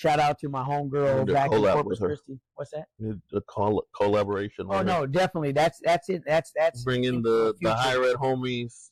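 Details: Adult man with acquired neurogenic stuttering since a stroke: occasional, mainly on words starting with S and R, where the word won't come out; he is in therapy and attending medical appointments for it.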